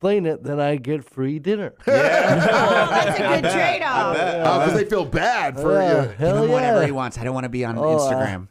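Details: Adult male comedian with cerebral palsy; possible dysarthric speech; dysarthric speech (cerebral palsy).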